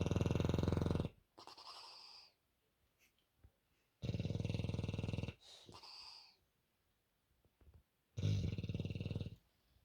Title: Bulldog Bear Snoring